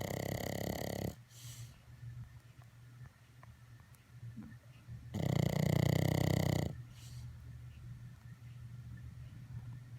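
Loud, low, vibrating snores come in bursts with quieter breathing between them, typical of a flat-faced dog's noisy sleep breathing.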